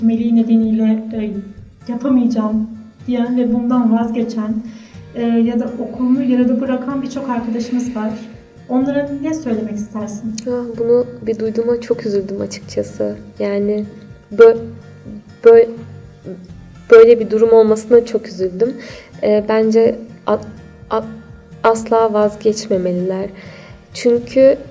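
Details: Stuttering in an adult woman.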